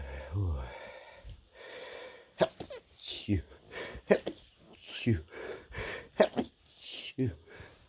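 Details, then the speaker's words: Person with an itchy, tickly nose sneezing repeatedly: a series of short, muffled, stifled sneezes with quick breaths in between. "So sneezy right now. Chew. Chew. Oh my goodness. So tickly. Another sneeze."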